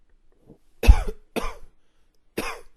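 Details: Coughing: three separate harsh coughs, each a sharp burst with a short rough tail, after a faint breath; an ordinary repeated cough.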